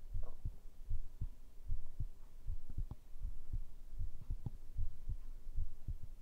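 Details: ASMR heartbeat recording, apparently made with a binaural microphone: steady, low double thumps at about 76 beats a minute with a faint hum beneath; normal heartbeat.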